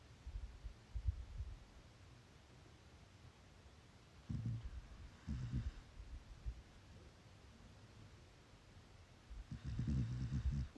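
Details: Sleeping chocolate Labrador puppy gives quiet, low rumbling snores in soft bursts with near silence between them.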